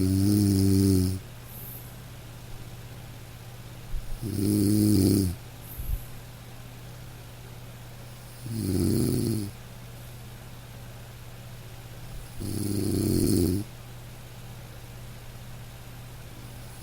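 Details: Dog snoring over light rain in a sleep-aid recording: soft rumbling snores about every four seconds (about 14 a minute); gentle, ordinary snoring of a sleeping dog.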